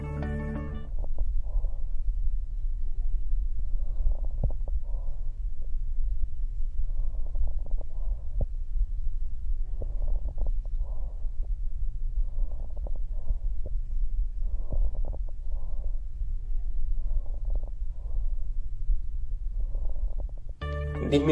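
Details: Bronchial breathing.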